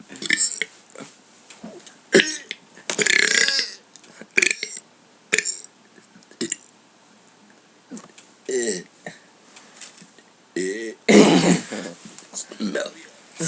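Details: Two people deliberately burping on camera, one having just eaten beans: a rapid series of about a dozen loud, voiced belches, some long and croaking, with short pauses between them.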